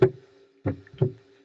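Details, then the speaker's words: Recorded heart sounds played in a Spanish-language auscultation teaching session: a small extra sound just after the second heart sound, a split second heart sound (diastolic splitting). "Y en el segundo ruido, después del segundo ruido, hay un ruidito más agregado y por eso es un desdoblamiento del segundo ruido."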